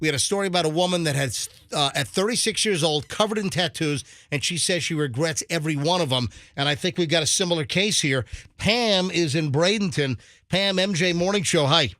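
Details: Adult male radio host; normal voice.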